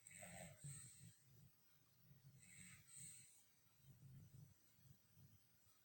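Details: Sleeping dog snoring: soft, low, rumbling snores with a few faint squeaky sounds over a quiet outdoor background.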